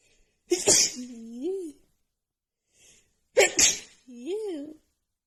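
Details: Female with runny nose after an hour outside in snowy cold weather, plus dust exposure; two forceful sneezes, each followed by a short voiced moan, part of a sneezing fit.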